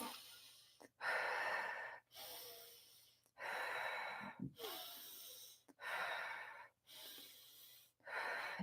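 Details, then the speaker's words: Seated, leaning forward with arms pressed into the ribcage, taking four to five slow, deep diaphragmatic breaths (in through the nose, out through the mouth), several long audible cycles, before deep productive coughing to clear lung mucus in pneumonia or bronchial congestion. "what you do is you press your arms into your lungs you lean forward and then you can take four to five breaths"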